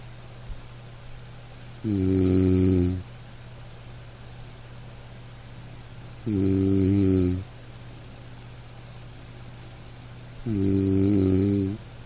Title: Soothing??? Snoring sleep sounds!